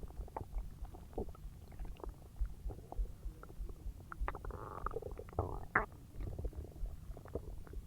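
Low, continuous rumbling and gurgling with bubbling pops, loud bowel sounds of digestion after a large meal, a normal finding.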